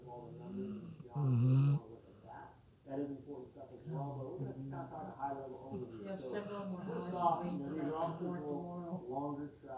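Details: Female dog asleep on a couch, snoring, farting and dreaming at once: low buzzing snores mixed with soft whines and whimpers over steady room noise.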